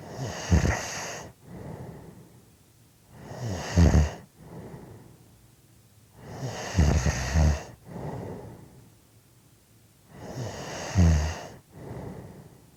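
Loud, rough snores on each in-breath with softer out-breaths, about 17 breaths a minute, somewhat irregular: snoring.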